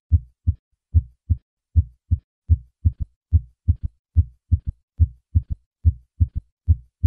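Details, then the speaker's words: Third heart sound in early diastole shortly after S2, three normal beats then S3 added, heard best with the bell at the cardiac apex in left lateral position; over age 40 suggests decreased left ventricular function. "third heart sound is heard best at the cardiac apex with the patient in the left lateral position in those over the age of 40 a third heart sound usually indicates decreased left ventricular function"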